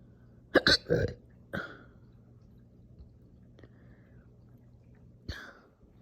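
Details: Slow but very aggressive, painful hiccup-burps after breakfast: several abrupt, forceful hiccup-burps, some paired, with long gaps between them; hiccups with burping.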